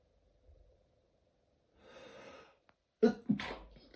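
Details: Repeated sneezing all day, with bouts every 20–30 minutes: a couple of sharp breaths in, then a loud sneeze with a second burst right after.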